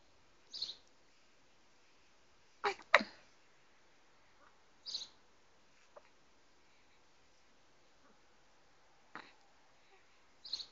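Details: Soft, brief hiccups from a 12-day-old newborn baby boy, about six in ten seconds, in a quiet room; normal newborn hiccups.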